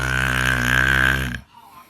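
One long, low, buzzing belch lasting over a second that cuts off abruptly, then a quiet room.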